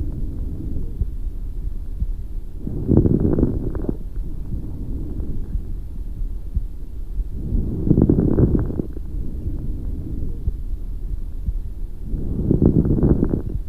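Three breaths about 13 a minute, each inspiration ending in bursts of medium crackles over a low rumbling background.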